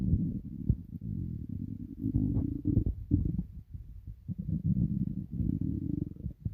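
Low, gurgling, rolling rumbles continue almost throughout, rising and falling. Ordinary stomach rumbling (borborygmi), gas and fluid moving through the gut.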